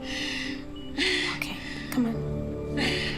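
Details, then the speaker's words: Simulated TV-drama COVID-19 scene: a woman on high-flow nasal cannula, leaning forward in a tripod position, takes harsh, rapid gasping breaths over soft piano music; respiratory distress. "- This lady looks like she's in trouble. So she's already wearing high flow nasal cannula, which is a pretty aggressive form of respiratory support."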